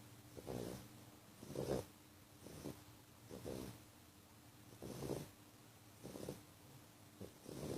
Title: SNORING....he is sooo loud!!